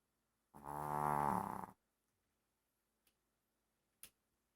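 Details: Pomeranian puppy snoring: a single fluttering, buzzy snore on one breath lasting about a second, then quiet and two faint clicks.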